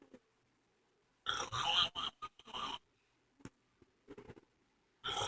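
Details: Adult woman snoring: irregular bursts of harsh, rattling, snorting breath with quiet gaps between; loud snoring.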